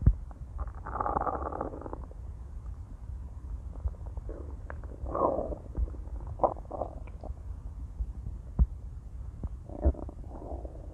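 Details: Low gurgling rumbles and squelches in irregular bursts over a faint background hum, recorded from inside a person's abdomen: ordinary stomach growling (borborygmi) from gas and fluid moving through the gut.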